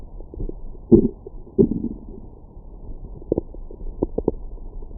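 Low gurgling rumbles and bubbly pops from the belly, typical ordinary stomach growling after a meal.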